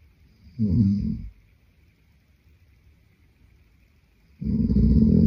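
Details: Sleeping adult man: two deep, rumbling snores about four seconds apart, with quiet breathing between them in a still room.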